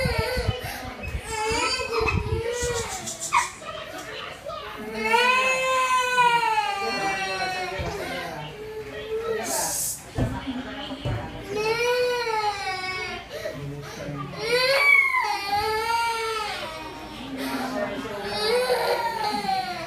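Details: Acted scene of a baby crying after his father wakes him from sleep on the sofa to move him to the bedroom: long, wailing bursts with catches of breath between them.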